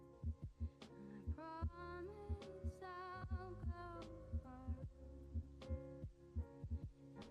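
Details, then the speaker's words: Normal first and second heart sounds at the upper right chest, paired low thumps at about 60 a minute under loud music; a carotid cotton swab is used for timing. The first sound is AV valve closure and the second is semilunar valve closure. "And you'll be able to think of the curves and you'll be able to valve the first sound, the AV valves, and the second sounds are caused by the closure of the semi lunar valves."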